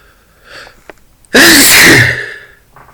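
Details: Male sneezing after getting things out of a dusty closet: a short indrawn breath, then one loud explosive sneeze trailing off.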